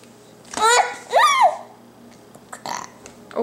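Two loud voiced burps with a rising then falling pitch, followed by faint room sounds.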